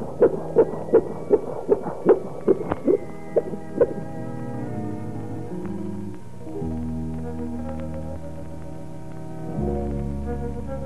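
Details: Rapid, regular soft beats at about 150 a minute, followed by music: a fetal heartbeat in a 1979 obstetric film on diagnosing breech versus cephalic presentation. It is heard above the umbilicus in breech and below it in cephalic presentation.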